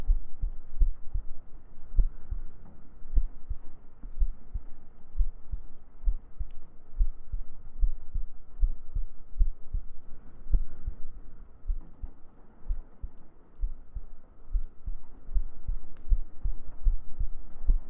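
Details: ASMR heartbeat recording for sleep: steady, soft, low thumping heartbeat, roughly 70 to 80 beats a minute, under faint humming and gentle background noise.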